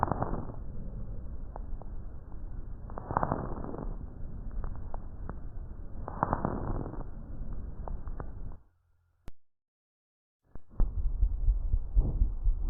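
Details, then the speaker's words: Abnormal (adventitious) lung sounds on pulmonary auscultation, following demonstration of normal breath sounds. "Ahora escucharemos los ruidos anormales."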